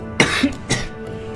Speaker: I think I have the coronavirus. I sound like shit. I have a cough. I'm on cold meds, and I'm playing copyrighted music.